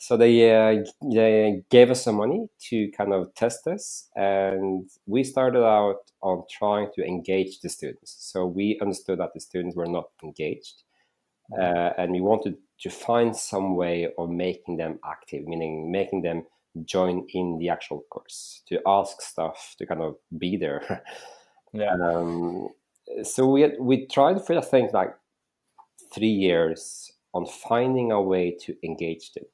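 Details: Stuttering in an adult male interview guest who says he stutters, that it can be heard here, and that he stuttered a lot when raising his hand in class.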